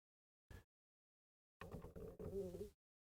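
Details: Stomach growling that interrupted a recorded reading: a short soft blip, then about a second of low, gurgling, warbling rumble (borborygmi).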